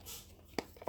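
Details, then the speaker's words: Cat sneezing in a quiet room: a brief sharp puff of air with a second burst starting at the end. "God bless you, cuttlefish. Did you hear that? My cat was sneezing."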